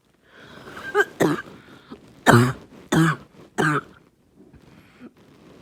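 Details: Child with a barking cough: a short run of harsh, hoarse, bark-like coughs.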